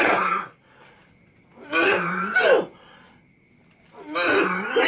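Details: Patient with a cough for 6 years, not cured despite treatment elsewhere (attributed by the uploader to jinn disturbance): three harsh, throaty cough bursts with short quiet gaps in a small room; chronic cough.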